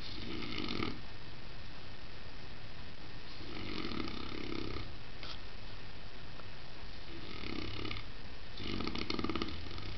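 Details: Saint Bernard dog sleeping on stairs, snoring with repeated rough, rattling snores every few seconds over a steady low rumble.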